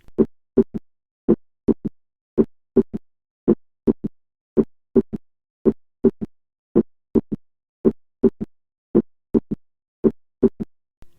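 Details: Heart sounds in a triple rhythm: a soft, low third heart sound about 150 ms after the second sound in each beat; S3 gallop.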